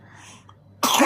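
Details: Infant coughing at night: a single abrupt, harsh cough burst after near-silence, sounding phlegmy; caregiver notes the phlegm is swallowed and the baby cannot bring it out. Wet cough.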